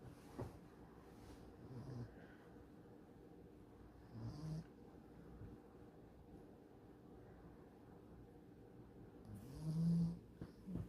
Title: Doggy snoring